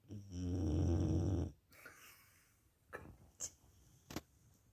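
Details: Dog snoring: one long, loud rumbling snore while asleep, then quieter breathing with a few small clicks.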